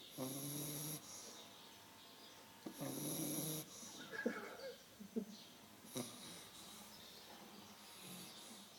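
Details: Brand-new puppy in deep sleep snoring: soft, irregular snoring breaths with snuffly sounds.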